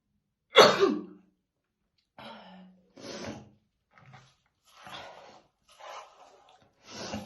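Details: Woman's real, unacted smoker's morning cough while brushing her hair: one strong deep cough followed by a run of weaker, rough, throaty coughs.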